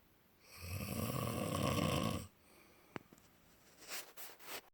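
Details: One loud, harsh, rattling inhaled snore lasting nearly two seconds, then quiet breathing and faint rustling; snoring.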